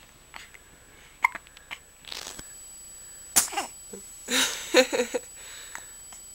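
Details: Hiccups from a person in a long hiccup bout: several short, abrupt gulping sounds at irregular intervals amid faint room noise.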